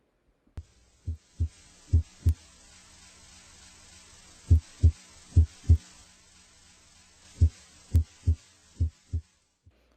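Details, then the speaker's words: Normal heart sounds: regular lub-dub about 70 a minute, listened over pulmonic area during deep breathing to identify physiological inspiratory splitting of S2 into aortic A2 and pulmonic P2; brief gaps as stethoscope moves. "try to identify the inspiratory splitting of s2 into its two components a2 is from the last sided aortic valve closure its second component p2 comes from right-sided pulmonic valve closure"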